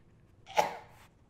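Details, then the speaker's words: Infant choking demonstration: a single brief, weak cough-like burst with little air moving in or out, an ineffective cough signalling the point to intervene. "The point want to intervene is when they either start having an ineffective cough, and that is where you do not hear air going in and out."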